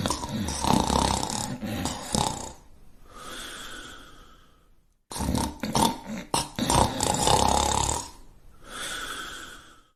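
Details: Cartoon snoring sound effect, not real: loud, exaggerated snores with a rough rattling in-breath followed by a whistling out-breath, repeated twice.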